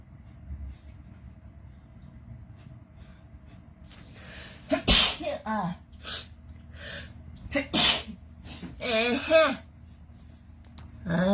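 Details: Girls sneezing several times in quick succession, sharp sneezes with gasps and short vocal sounds between, set off by a COVID-19 nasal swab test; swab-induced sneezing.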